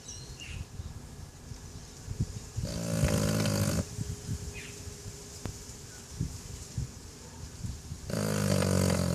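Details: Snoring from a sleeping bulldog during a nap: two long, rough, rattling snores about five seconds apart, with quieter snuffling breaths between.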